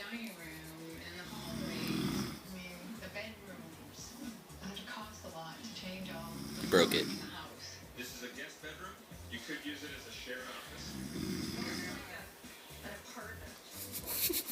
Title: Dad snoring